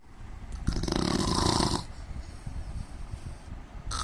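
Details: An Indian man snoring: a loud, rough, rattling snore on one in-breath, followed by quieter breathing noise; ordinary snoring.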